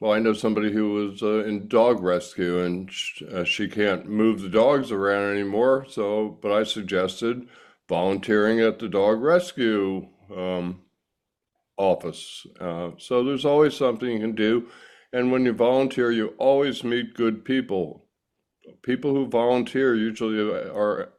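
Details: Adult speaker; normal speech.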